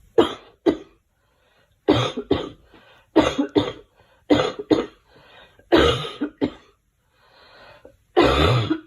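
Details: Girl coughing: five bouts of short, paired coughs, each a harsh burst with a quick follow-up, separated by brief pauses.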